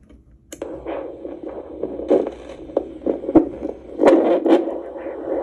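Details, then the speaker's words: Baby Hermann's tortoise at a vet, heart rate taken with a Doppler probe, about 70 beats per minute, moving its head: soft whooshing pulses amid probe scraping and rubbing noise; Doppler heartbeat. "so that's the heartbeating he likes to move his head you got to bring your head back out buddy"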